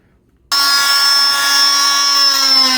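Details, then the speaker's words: Loud steady high-pitched whine of an oscillating cast saw cutting the medial side of a female patient's below-knee cast in a series of punches, fingers protecting the skin underneath, during bivalving for removal. "Now, as this cuts, it's going to dive in. I'm not going into the cast and dragging it along. It's a series of punches as we go down."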